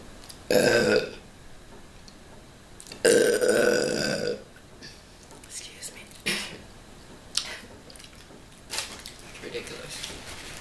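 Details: Two loud, drawn-out deep belches while eating a 12-inch steak and cheese sandwich on camera, followed by softer chewing and mouth sounds in a quiet room: burping.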